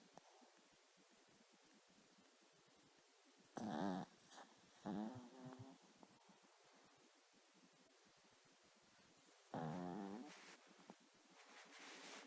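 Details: Sleeping, dreaming dog snoring: a quiet room broken by a few loud, rough, rattling breaths, about three in twelve seconds.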